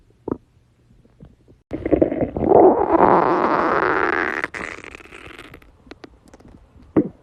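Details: A girl's stomach growling: a long, loud rising gurgling growl lasting about three seconds, then softer rumbling; ordinary borborygmi.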